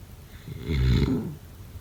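Single deep, rumbling snore on one in-breath.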